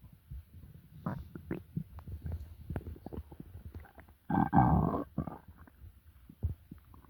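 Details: Low gurgling, croaking stomach rumbles with a louder growl midway, from an upset stomach after eating; normal gut sounds.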